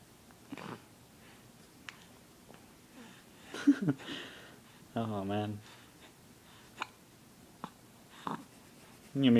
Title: Hiccups suck!